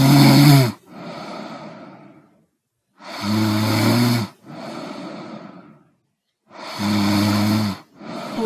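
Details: Loud, rough snoring on each inhalation with softer breathy exhalations, about 17 breaths a minute.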